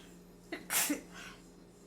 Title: Sneezing fit in the kitchen